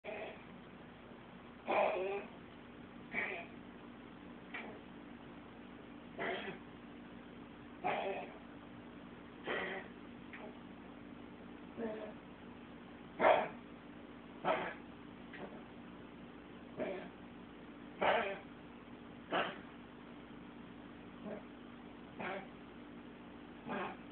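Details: Pomeranian with a known trachea problem; owner suspects kennel cough after two dog-park visits in two weeks and says coughing never sounded this bad or lasted this long: about fifteen short, harsh honking cough bursts in quick runs over room hum; cell-phone recording.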